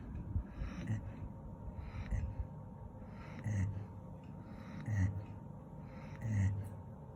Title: Golden retriever snoring 😴